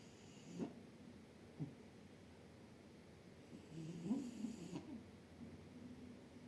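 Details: Orange cat sleeping on a chair, face covered by paw: soft, low, irregular rasping snoring against quiet room noise.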